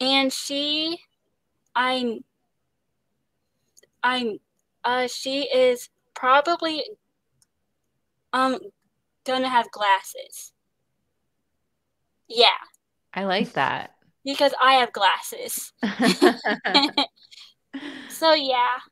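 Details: Stuttering in a young woman, an actress, with repetitions and restarts.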